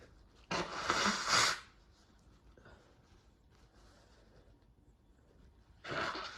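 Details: A forceful, noisy burst like a sneeze or nose blow, soft sniffing, then another burst starting, during a hay fever sneeze attack after cutting the grass; sneezing with nose blowing.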